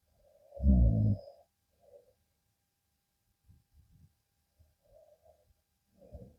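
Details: Adult husband sleeping in the afternoon, recorded with a small microphone placed close by: one loud, low rumbling snore on an inward breath, then softer faint breathing in a quiet room; real snoring.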